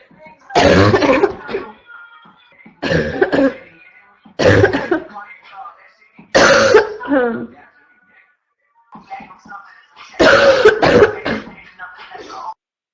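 Five harsh, voiced, bark-like coughs in about 13 seconds, typical of a barking cough.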